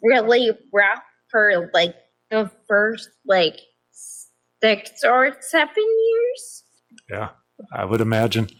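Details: Adult woman with progressive ataxia of still-undiagnosed type, onset at age 26, affecting balance, speech and causing nerve pain, primarily a wheelchair user, also severe anxiety and depression; ataxic dysarthria.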